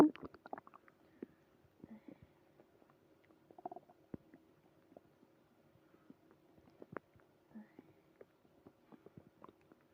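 Irregular soft gurgles, squelches and brief pops come from the belly against a faint steady hum, typical stomach growling (borborygmi).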